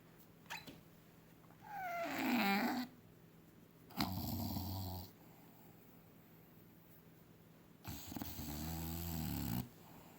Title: SHORT COMPILATION OF FUNNY AND CUTE DOGS SNORING 😂😂